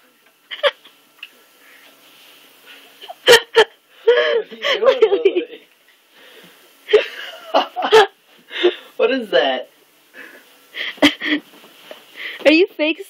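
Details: Infant making several short, sharp, sneeze-like bursts between babbling and giggles, apparently imitating a parent who has a cold and has been sneezing; playful imitated sneezing.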